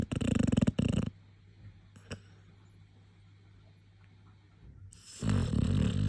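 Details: A sleeping dog snores loudly, like an old boar, with rumbling snoring breaths at the start and end and a quiet stretch between.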